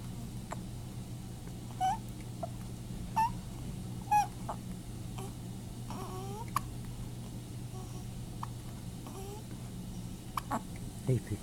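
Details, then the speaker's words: Female newborn about 15 hours old with hiccups: short, sharp, abrupt little catches about every second, with soft baby vocal sounds over steady room hum. "girl. You got the hiccups? Yeah. Just a little bit. Mm-mm. These hiccups are keeping me awake."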